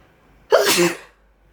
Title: 1 minute of me sneezing